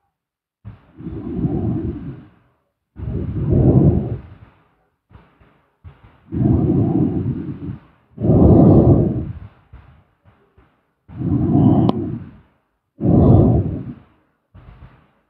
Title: SLEEP STREAM ASMR SLEEPING SOUND|Snoring